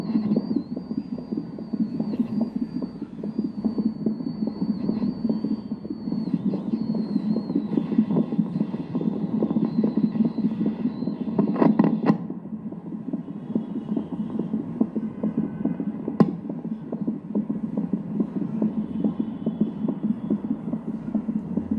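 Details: Fetal heartbeat on Doppler during pregnancy, analog versus digital device comparison: fast, whooshing galloping pulses at about 145 beats a minute, within the normal range.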